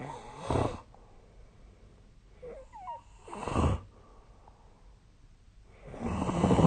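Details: Snoring during sleep, recorded with the SnoreLab snoring app on 2025/02/27.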